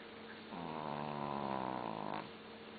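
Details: Snoring from a sleeping long-coat Chihuahua: one drawn-out, tonal, slightly whistling snore lasting under two seconds, with a faint steady hum behind it.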